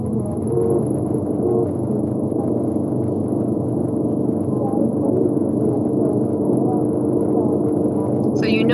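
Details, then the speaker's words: Simulation of moderate to severe high-frequency sensorineural hearing loss: speech sounds mumbled, muffled and underwater-like over background noise, so concentration is needed to locate the voice. "themselves just notice how everything just sounds a little bit kind of underwater a little bit muffled okay"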